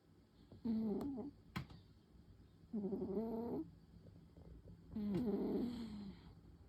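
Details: Tabby cat snoring softly during an afternoon nap, belly rising and falling, eyelids twitching: three soft, buzzy, pitched sounds about two seconds apart with quiet gaps between.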